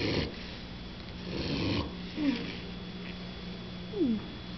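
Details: Young Mini Bulldog snoring: soft rasping breaths with faint squeaky whistles on the breath, over a low steady hum.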